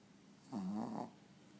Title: Snoring dog